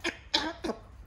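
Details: Three short, harsh cough-like bursts from a 5-month-old talkative grey parrot imitating a human cough when its owner asks if it still has a cough; imitated cough.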